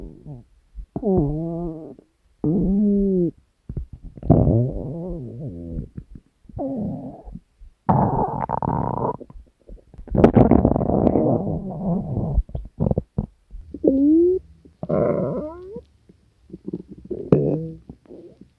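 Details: Hunger stomach growling from a compilation of three years of recordings: separate gurgling growls rising and falling in pitch, with short pauses between them; borborygmi.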